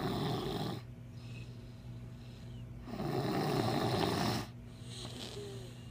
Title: Tanky snores. 2014